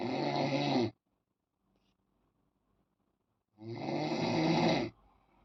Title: Noise Snoring on bed Time. MAK 040523